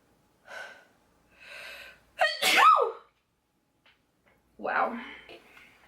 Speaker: Oh god, that was a half sneeze. Oh god, I'm going to sneeze. Gosh, I'm going to sneeze. Excuse me.